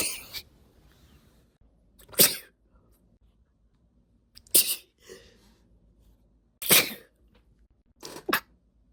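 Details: Female, four or five sharp, explosive induced sneezes with quiet pauses and small breaths between, brought on by tickling the nose (usually done with a tipless cotton swab stick or a spray bottle dip tube).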